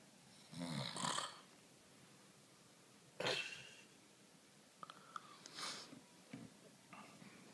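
Irregular noisy breathing with rasping snores during sleep, a few breaths apart, in a quiet room.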